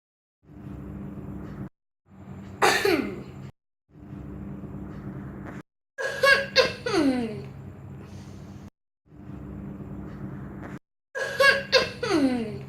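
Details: Imitated coughs showing different types of coughing: several short bursts of acted coughing in different styles, with quiet hissing pauses between them.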